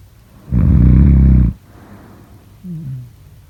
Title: #snoring #snoringasmr #sleepnoises #snoringsleepingsoundeffect